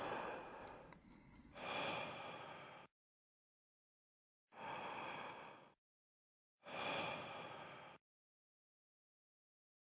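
Three sharp, forceful blows of breath, each about a second long, the first after a quick intake: forced expirations for a peak flow reading.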